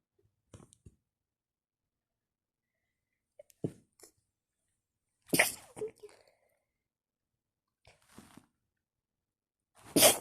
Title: Sneeze attack on bed at nigth